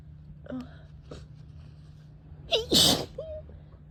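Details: Person sneezing: a couple of soft catching breaths build to one loud, explosive sneeze, followed by a brief trailing sound; sneezing.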